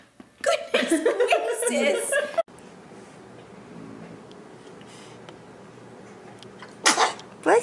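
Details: Babies sneezing, from a compilation of home videos: short, sharp infant sneezes amid adult chatter saying "bless you" and room noise.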